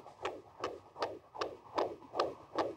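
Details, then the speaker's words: Fetal heartbeat recorded by a sensor the mother glides over her abdomen, linked to a smartphone app: fast, regular whooshing beats at about 155 per minute. "ça ce sont les battements du cœur d'enfetus enregistré grâce à grâce à cette application effectivement on a vraiment l'impression de vivre la maternité presque autant que la maman"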